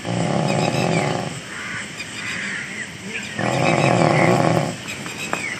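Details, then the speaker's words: On-duty UP 112 police driver in deep sleep in Hamirpur: loud, rattling snores on each in-breath, separated by quieter breathing, with room noise; heavy snoring. "Police कर्मी के इस कदर नींद में खर्राटे भरने का video viral होने से यूपीए को 12 पास जनता की सुरक्षा को लेकर सवालिया निशान खड़े हो गए हैं"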